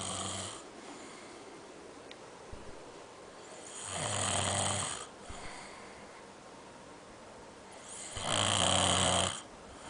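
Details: Loud, harsh snores on each breath in from the uploader's father, about four seconds apart, roughly 14 breaths a minute, with quiet pauses between; snoring.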